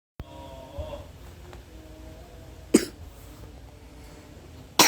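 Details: Adult cough: two abrupt cough bursts over a quiet room hum with faint background tones.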